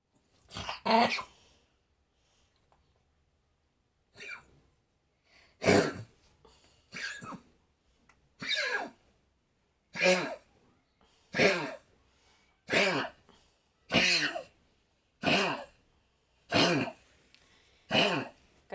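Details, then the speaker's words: Old dog coughing: a run of about a dozen harsh, honking coughs in a quiet room while another dog comes to lie beside him; cough. "скажем такие страшные звуки издает козилет какашлет все-таки кашляет алтушка сочувствует ему"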